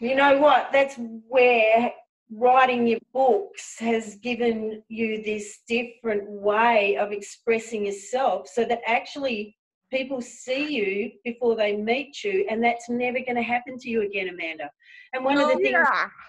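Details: Adult woman speaking; normal speech.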